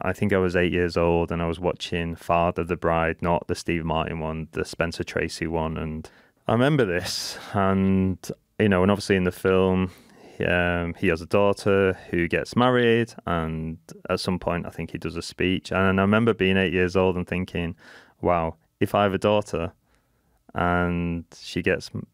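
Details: Persistent stuttering in an adult male who has stuttered since childhood.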